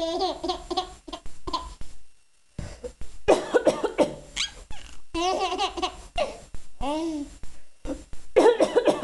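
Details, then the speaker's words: Cough returning: an adult mother gives short, dry cough bursts while an infant laughs brightly at the coughing. "a you think Mama coughing is so funny"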